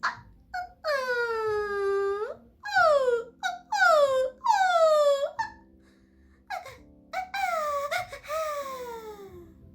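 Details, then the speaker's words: Loud, disruptive, high-pitched vocal tics, occurring up to every couple of seconds, in a person who suspects they developed a tic disorder after Covid (possible long Covid symptom). "But they're like sounds, or like high pitched sounds, and very loud, very disruptive, right?"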